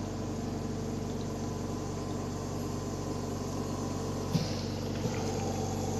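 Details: Yuwell 7F-5 oxygen concentrator running during a test; the unit delivers 1–5 L/min of oxygen at about 87–95.5% concentration.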